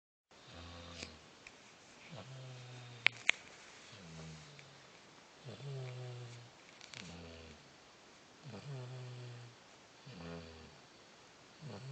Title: snoring